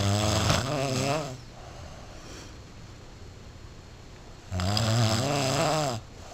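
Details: Snoring, recorded by someone who fought for breath all night and was seeking a sleep study and CPAP: two loud, rough, buzzing breaths in with a quiet pause between.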